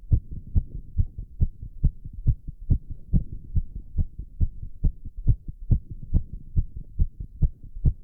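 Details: Rapid, regular thumping heartbeat, about 140 beats a minute, in a male doing squats, with heavy breathing and recovery; sinus tachycardia after exercise.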